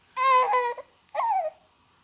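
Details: Baby girl with cystic fibrosis: two short, clear, high-pitched cries with a brief pause between; an infant cry.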